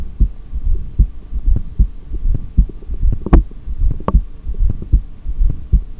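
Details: Regular low heart thumps through a stethoscope at about 76 beats a minute over a steady low hum, recorded during an exhaled breath-hold in a session of breath-holds lasting up to 3:17 exhaled: heartbeat.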